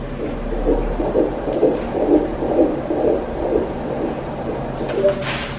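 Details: Fetal heartbeat on Doppler ultrasound, heard by the parents for the first time, at 123 beats per minute.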